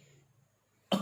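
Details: Simulated TB patient (a woman) in a nursing demonstration of effective coughing: three deep breaths, hold the third, then cough while bending forward to bring up sputum; a quiet pause ending in one strong, forceful cough.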